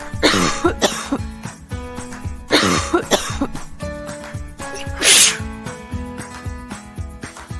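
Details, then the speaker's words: Several short cough bursts and a sneeze over upbeat music in a children's germ-safety lesson about covering coughs and sneezes; plain coughing. "When we cough, sneeze, or sniff, we should cover our mouths and noses to keep germs from spreading."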